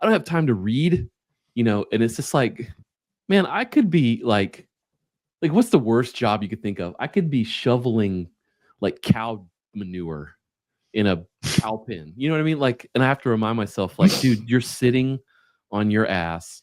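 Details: Adult man; typical speech.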